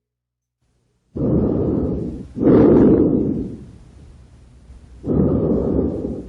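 Smooth, soft breaths, each an inhale then a slightly louder exhale, about 15 a minute, with no wheeze or crackles; normal breath sounds with air moving freely.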